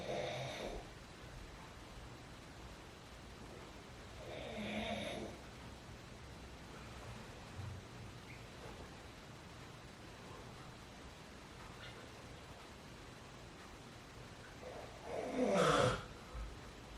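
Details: Father snoring during sleep at midnight: a few separate rough snoring breaths with long quiet gaps in a quiet room; ordinary snoring.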